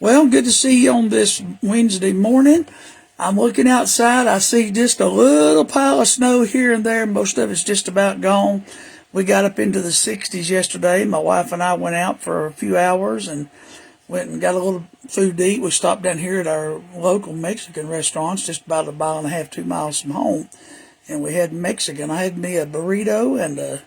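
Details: Dysphonia in an adult man with HPV-related recurrent respiratory papillomatosis since 2010 (after H1N1); papilloma surgeries, one damaging the vocal cords, later a web across their bottom third; years of false vocal fold speech; weak, very high-pitched after cancer treatment; constant coughing, throat rattle.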